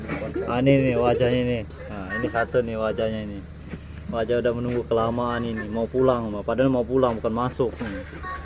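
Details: Adult man speaking; normal voice.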